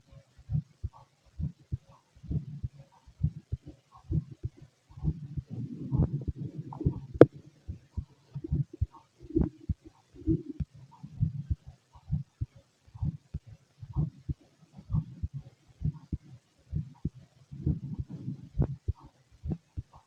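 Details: Fit male, heart auscultated with a stethoscope during digestion after a meal; regular low thuds about 65 a minute with some rumbling noise; normal heart sounds.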